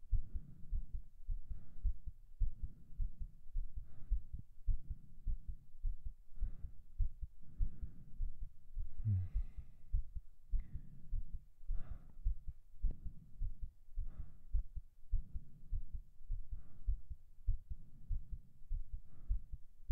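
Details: Male heartbeat right after 50 push-ups, ASMR recording: steady, quick heartbeat at about 100 beats a minute with faint breath noise; fast heartbeat after exercise.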